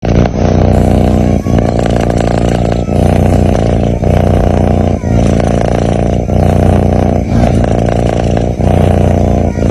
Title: My cat snores loudly when sleeping 🥰🥰 cat sounds